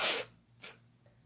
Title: Couple Sneezing Using Chhinkni